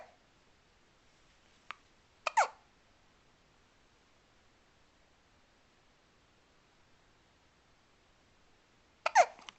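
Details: Hiccups in a quiet room: brief, sharp, soft catches of breath recurring several seconds apart.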